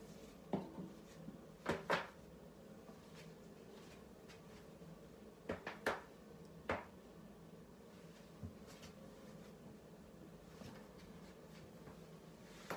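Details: Joint cracking, likely the neck, after playing a game: a handful of sharp, dry pops in a quiet room.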